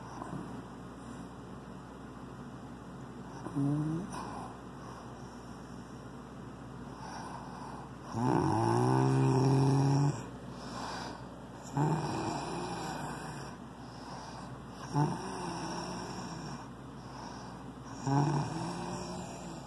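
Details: Snoring: loud, rough, rattling snores recurring every few seconds over a steady background hum.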